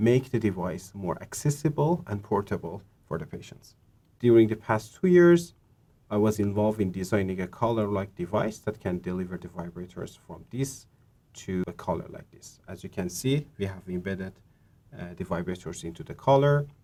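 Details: Adult male speaker; typical speech.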